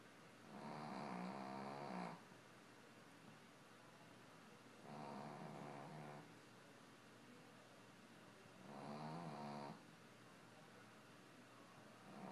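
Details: Three long, rough, vibrating snores at slow, steady intervals, about 15 a minute, over quiet background hiss: typical snoring.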